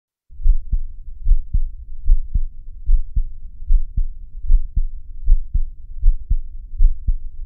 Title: Field recording #33 heartbeat sound freesound